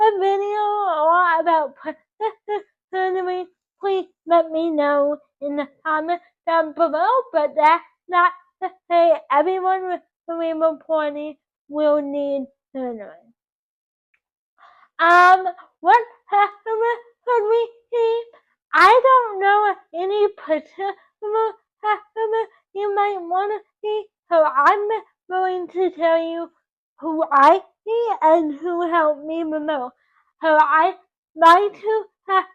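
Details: Dysarthric speech in a 24-year-old woman with cerebral palsy from oxygen loss to the brain at birth; doctors had predicted she would never talk.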